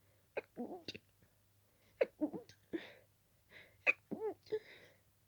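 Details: Several rapid, wet, stuffy sneezes with gasping in-breaths and a moaning catch between, some stifled, from a person with a very itchy nose and strong dust allergy; sneezing fit.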